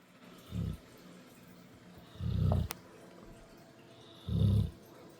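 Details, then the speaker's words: Dog snoring fairly quietly with his eyes open: soft, low, rumbling snores, about three in six seconds, each breath in vibrating briefly, with quiet room noise behind. "He's snoring with his eyes open."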